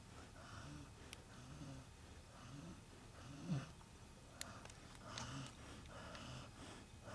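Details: Dog snoring while asleep, loud enough to wake others: soft, irregular snorting breaths about every two seconds with faint room noise.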